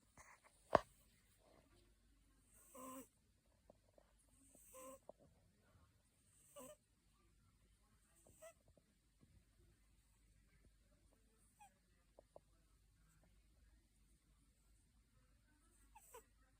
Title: cat is snoring #cat #котики #catlover #cute #animals #funny #pets #kitten #cutecat